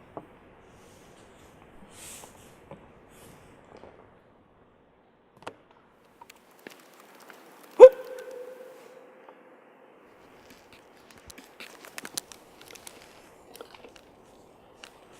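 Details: One sharp hiccup with a brief voiced catch among faint clicks and room noise, from a man with a bad case of hiccups; hiccup.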